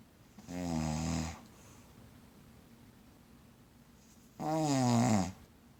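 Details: Snoring while held asleep in someone's arms: two loud, rattly inspiratory snores, each about a second long, with quiet breathing between. Ordinary snoring.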